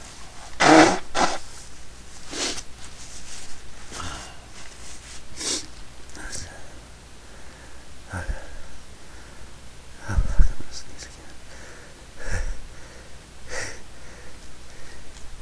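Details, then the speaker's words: Repeated sneezing in a small room: several sharp bursts of air, a strong one early and smaller ones later, as the person says more sneezes are coming. "I got one more belly. I'm gonna sneeze again. I have to sneeze."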